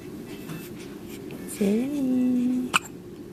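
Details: A young child makes a drawn-out voiced sound, then one short, sharp catch, likely a single hiccup, over quiet room noise.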